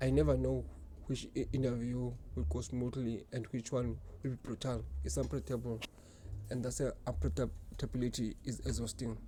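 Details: Adult woman who stutters and reports blocking on words; stuttering.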